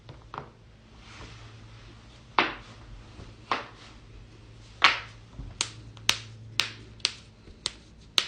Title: joint cracking compilation